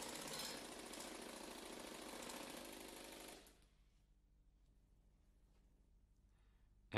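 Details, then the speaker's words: Rapid rattling pneumatic hammering for about three seconds, then quiet: an Air Pulse pneumatic tool, attached via coupling block, extracting an unreamed tibial nail (UTN) with gentle impulses after the end cap and locking bolts are removed. "the air pulse is applied and the utn is removed with gentle impulses"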